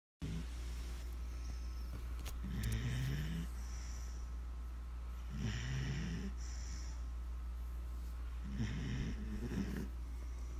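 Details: Sleeping basset hound puppy snoring: three soft, low snorting snores about three seconds apart over a steady low hum.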